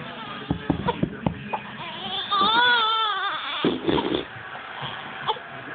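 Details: Infant during tummy time fusses with short grunts and whimpers, then gives one wavering cry before settling back to fussing.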